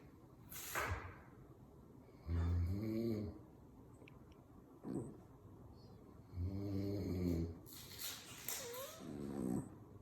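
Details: A sleeping man and a dog snore together in a "snoring contest," with loud rattling snores and low, buzzy inspiratory vibration: snoring.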